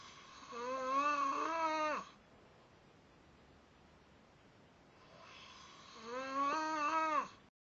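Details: Sleeper: two drawn-out, squeaky, pitched snoring sounds about five seconds apart, matching slow sleeping breaths, with quiet in between; snoring.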